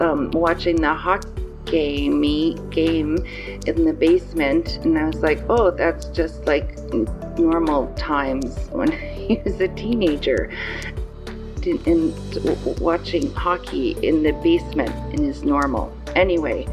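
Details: 54-year-old woman with aphasia after a stroke on November 8, in rehabilitation; aphasia with word-finding difficulty.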